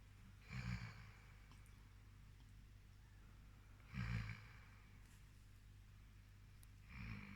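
Low, rumbling snores with each breath, about 18 a minute, in a quiet room: a dog snoring.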